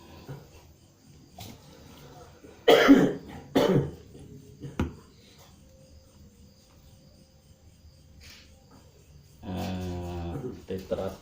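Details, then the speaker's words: Adult man, cough for one week, during back acupressure therapy: two loud, rough coughs with a smaller third, then a throat-clearing voiced sound, fitting a wet, productive cough; quiet room noise. "beliau ada masalah batuk-batuk udah berapa lama Pak saya Minggu sudah satu minggu"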